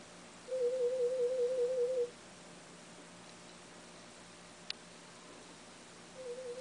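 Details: Warbling audiometry test tone lasting about 1.5 seconds, then quiet before the next; third hearing test with a cochlear implant at an ear unit, hearing level reaching the speech banana.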